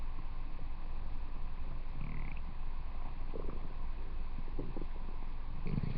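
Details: Low, continuous rumbling with irregular gurgling bursts, presented as the stomach growling of the fictional character Airachnid: stomach growling (borborygmi).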